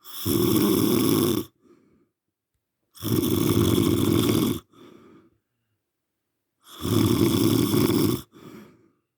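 Three loud, rough snores on inhalation, each followed by a soft breath out, roughly every three seconds.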